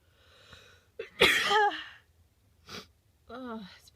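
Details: Tickly sneezes that finally relieve a tickle in the nose, followed by a groan.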